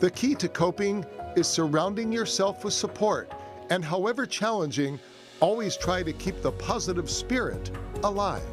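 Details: Adult narrator; Normal speech.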